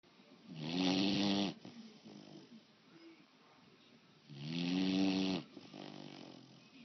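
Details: Female snoring: two loud, rattling, voiced snores about four seconds apart, with quieter breathing between them; ordinary snoring.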